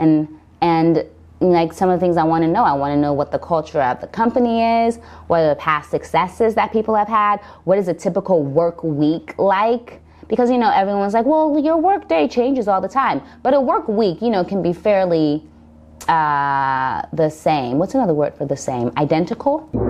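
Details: Adult woman speaking; stuttering.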